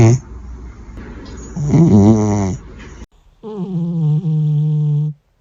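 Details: Sleeping cat snoring: a throaty, rattling snore followed by a steady buzzing tone.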